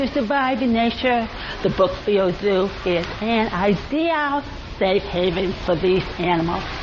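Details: Adult deaf woman working as a television news reporter, speaking in a news report; deaf speech.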